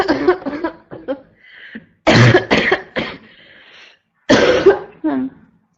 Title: constant barking cough 2 (f)